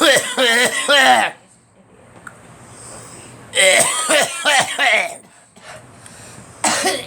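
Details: Person coughing; a companion remarks the person has been out in the cold too much; cough.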